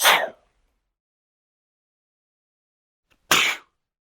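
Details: Two sharp, hissy bursts about three seconds apart, separated by silence, each a brief explosive sneeze; sound-effect recording, not a real patient; sneeze.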